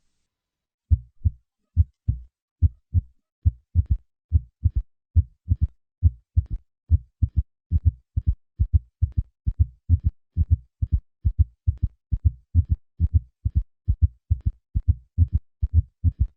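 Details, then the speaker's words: Simulated heart sounds at about 70 beats a minute: three normal beats, then an added third heart sound, then a fourth heart sound, forming a quadruple rhythm (S3 and S4 gallop), which occurs at rates below 90. "At heart rates below 90 beats per minute, there can be a quadruple rhythm. Listen to a patient with both a third and fourth heart sound."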